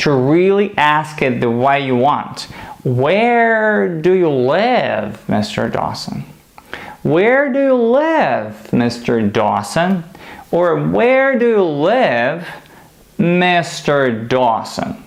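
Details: Adult man demonstrating a fluency-shaping "training speech" technique used in stuttering therapy, with controlled airflow through the stresses; finding: fluency-shaping speech technique (stuttering therapy).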